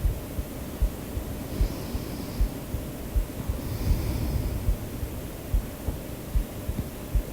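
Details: The creator's own recorded heartbeat, added to a sleep-aid track with breathing and white noise: soft, regular, low thumps at about 76 a minute under steady white noise; a normal heartbeat.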